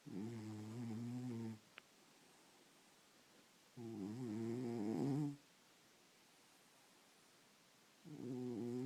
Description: Cat sleeping and snoring. Listen for the first loud snort that starts the snoring.